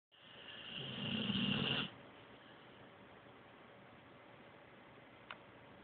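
A single loud, rough snore on an in-breath fades into quiet breathing with faint room noise; a dog snoring.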